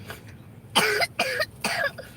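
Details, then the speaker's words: Child with a cough for a couple of days and a cold, urged to cough hard and spit mucus onto a cloth: three loose, wet coughs in quick succession, a productive cough. "just cough it out and I just don't like that sound come on cough hard and cough it out on your cloth so so you can stop coughing"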